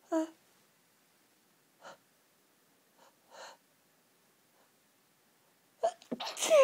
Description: Very intense fit of sneezes brought on by hayfever again, these sneezes felt incredible but they just wouldn't stop and they were so intense & the relief felt so good